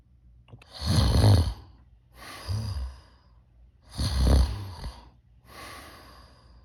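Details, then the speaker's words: Simulated sleep breathing with a soft low rumble on louder breaths while wearing an intraoral anti-snoring device, showing reduced snoring compared with mouth tape, chin strap and nasal dilators. "코고리 완화 및 감소 효과가 뛰어나고 호흡을 원활하게 유도해 줍니다"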